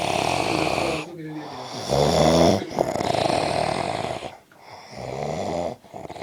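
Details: Adult man (a father) asleep: loud, rough rattling snores on repeated breaths, with brief pauses between them; heavy snoring.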